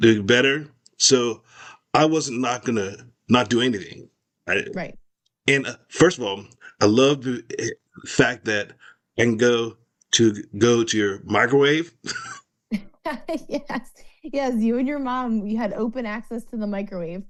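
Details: Adult male with aphasia after a stroke in 2022, in speech therapy; expressive language initially very impaired, receptive better, still trouble with dates and numbers; aphasia.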